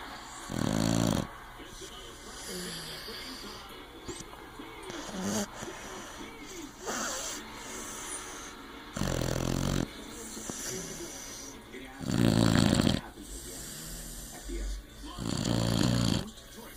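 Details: Pit bull (named in the video as the owner's adopted dog) snoring loudly while sleeping, deep rumbling bursts with quieter breathing between them.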